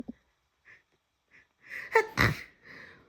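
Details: Person who thinks they are coming down with something, overcome by repeated sneezes: quiet sharp inhalations building up, then a loud explosive burst through nose and mouth and trailing exhale.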